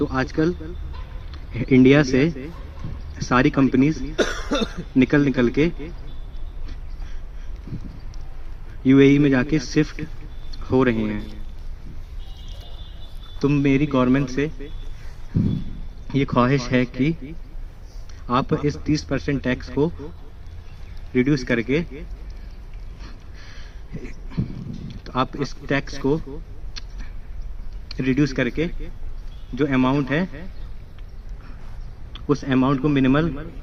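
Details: Student at a stammering therapy centre, trained in breathing, airflow and prolongation techniques, speaking in a public-speaking role-play session; stuttering.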